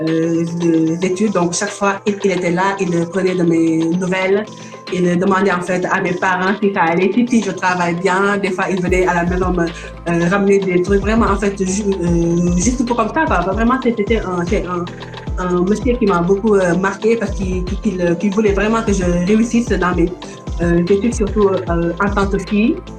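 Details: Stuttering in an adult woman from Senegal now living in France.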